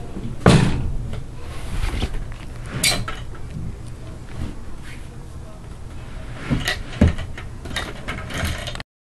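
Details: Dog with hiccups heard as soft thumps and clicks recurring every couple of seconds over faint room noise.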